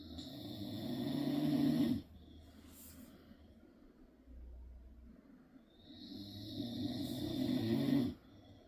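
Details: Adult man (dad) snoring during sleep: two loud, rumbling inward snores about six seconds apart with quiet out-breaths between, about ten breaths a minute.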